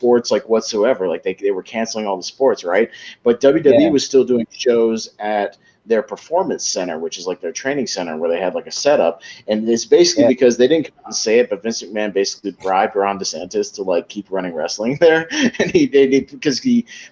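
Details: Adult male speaker; typical speech.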